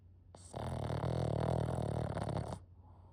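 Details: Loud, rough, rattling snore of about two seconds with rapid fluttering through it, over a low room hum, from a puppy in deep sleep; dog snoring.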